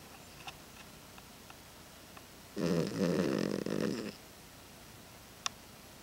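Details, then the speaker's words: Snoring after coming home very sleepy from a weekend boarded at the vet: a single rough, rattling snore lasting about a second and a half in a quiet room. "Hey, silly boy. You tired? You snoring?"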